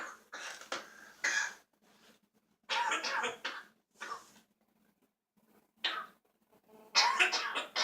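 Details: Child coughing: several harsh, dry cough bursts in clusters with short pauses between, a repeated cough.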